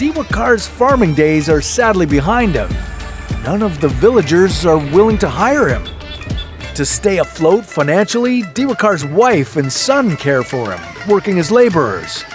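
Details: Adult narrator; normal speech.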